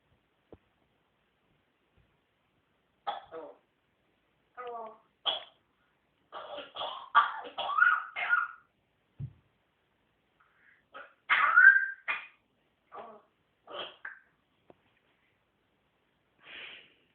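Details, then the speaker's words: Dog Cosmo with a bad cough: series of short, harsh coughing bursts, several run together, in a quiet room. "You got a bad cough?"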